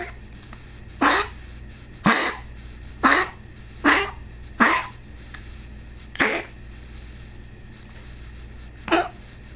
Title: Cough :( 2/2/2019